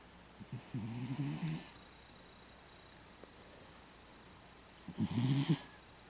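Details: Sleeping cat that has snored for as long as the owner remembers, seemingly normal: two soft fluttering snores with a faint airy hiss, several seconds apart.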